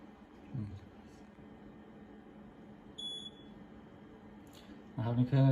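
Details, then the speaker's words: Hystero Flow II hysteroscopy fluid pump powering on: quiet room hum with a single short electronic beep as it starts its self-test, then brief speech: pump start-up beep. "สำหรับการใช้งานเครื่องปั๊มน้ำแบบควบคุมแรงดันนะครับรุ่นhisolo4นะครับ2นะครับหลังจากนั้นก็คืออันดับแรกคือเราเปิดเครื่องนะครับแล้วก็รอให้เครื่องทำการBoostนะครับ"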